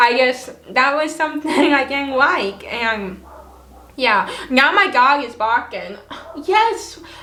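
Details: Adult woman with cerebral palsy and a lifelong speech impediment. Words are hard for her to pronounce, family and new people sometimes do not understand her, and she had many years of speech therapy growing up: dysarthria (cerebral palsy).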